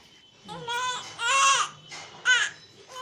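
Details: Infant crying for milk: short, rhythmic, rising wails with brief gaps between cries; hunger cry.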